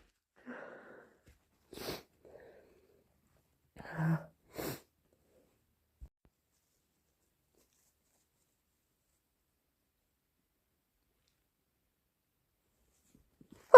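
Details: Induced hay fever sneezes: a few short sharp sneezes with intakes of breath in a quiet room, then silence.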